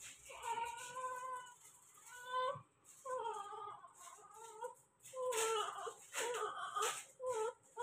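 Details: Newborn delivered by C-section, crying while being dressed for hospital discharge: repeated thin, high-pitched cries in short bursts with breath pauses, a normal vigorous cry; faint room noise.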